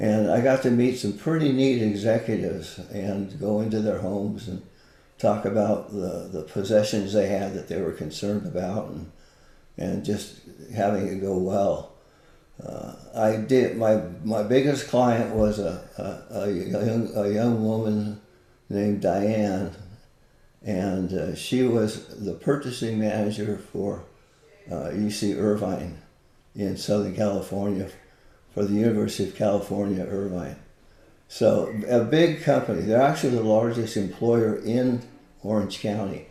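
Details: Man with Parkinson's disease for more than 20 years, visible shakes, and reported moments of 'a stupor of thought'; Parkinsonian speech with frequent word and phrase repetitions, possible hypokinetic dysarthria.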